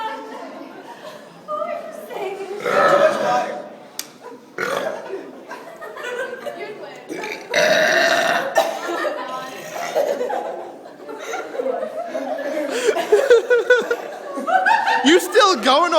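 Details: Small burping contest: loud, drawn-out deliberate belches from several people in a row, with talk and laughter around them; burping.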